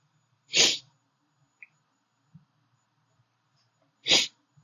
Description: 3 sneezes, last one took foooorever to come out, sorry about that.